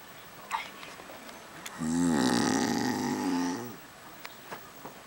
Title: the snoring show...